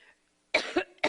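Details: A woman coughing during a campaign speech in Iowa, a coughing fit after which she loses her voice and reaches for water.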